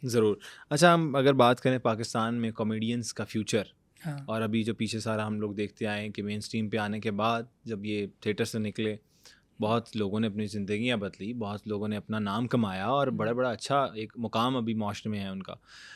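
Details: Adult male speaker; typical speech.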